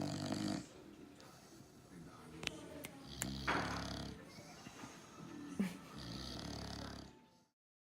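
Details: Female Olde English Bulldogge snoring during her afternoon nap: noisy, rattling breathing with low snoring during breaths and some faint background sounds.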